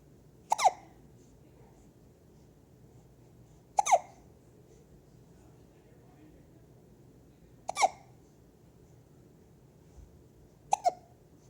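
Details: Four short, sharp hiccup sounds spaced a few seconds apart in a quiet room, from a 3-week-old newborn: infant hiccups.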